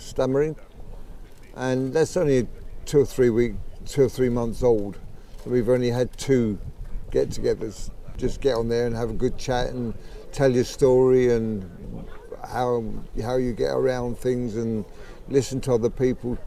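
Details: 63-year-old man with Parkinson's disease for 15 years who developed a stammer at about age 63, about 15 months earlier; thought to be Parkinson's-related, worse when emotional, excited or talking fast; sees a speech therapist; stammering (late-onset, Parkinson's-related).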